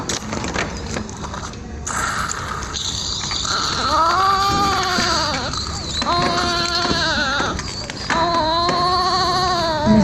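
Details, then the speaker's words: Newborn, umbilical cord not yet cut, with harsh very high-pitched inspiratory stridor and severe respiratory distress, from suspected congenital subglottic stenosis; inspiratory stridor. "estamos ahí en esa en esa imagen ustedes vieron que tenía el escribidor muy agudo con severa dificultad respiratoria"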